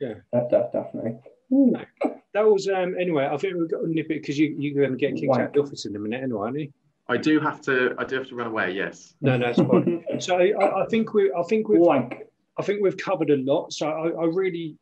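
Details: Adult male speaker; normal speech.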